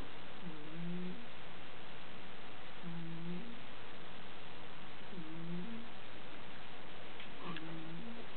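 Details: Overweight sleeping cat wheezing and snoring: a low, whistling, wheezy snore with each breath, about 26 breaths a minute, over a steady background hiss.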